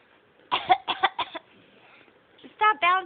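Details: Infant boy aged 5 months 20 days fake coughing while bouncing in his bouncer seat: three short, deliberate cough-like bursts, then two brief voiced baby sounds.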